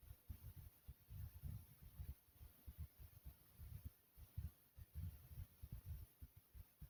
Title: Thumpy Heartbeat Sound ❤❤